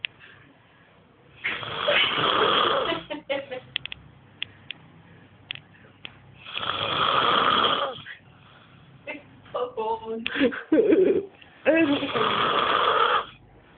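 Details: Brother snoring: loud, harsh snores on each breath in, about twelve a minute, separated by quiet breaths out.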